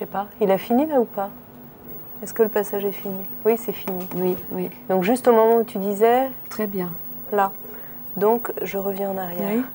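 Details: Adult clinician speaking French; normal speech.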